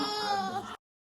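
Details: Newborn girl, recorded by her mother, gives an infant pain cry.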